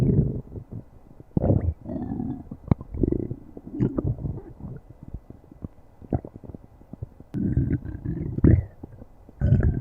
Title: stomach growling